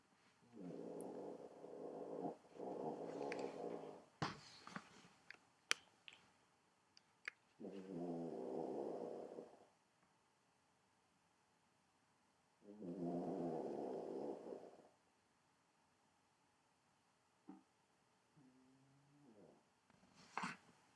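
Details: A small half-Chihuahua, half-miniature-Pinscher mix dog snores in her sleep: three long, buzzing, rattly snores of about two seconds each, separated by quiet pauses with a few clicks.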